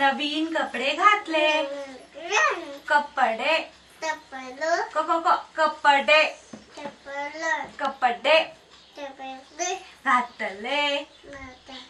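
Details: Speech of a deaf child with congenital hearing loss (95% hearing loss in one child) who learned to speak through hearing aids and speech therapy, repeating the words of a sentence; now speaks fairly well, though progress is slow.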